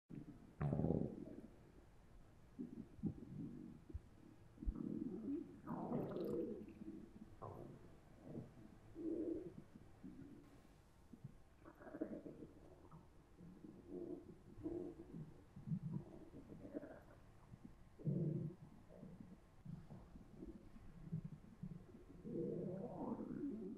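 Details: Adult volunteer's bowel sounds, recorded with a Zoom H1n recorder held against the stomach after eating three slices of pizza: frequent low gurgling and churning, ordinary active post-meal borborygmi.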